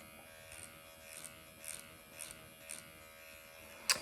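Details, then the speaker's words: Microneedling pen (MD Needle Pen) running at 1.5 mm on numbed facial skin, redness developing, before going to 2 mm for acne scars; steady high electric buzz with faint rhythmic scratching over skin; described as almost painless. "But otherwise, it's literally almost painless. And I have it in 1.5 now too."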